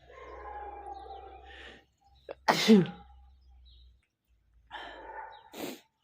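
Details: Male sneezing, from a set of photic, random and cold sneezes; breathy build-up inhalations, then one sharp explosive sneeze and a second brief burst while failing to stifle them.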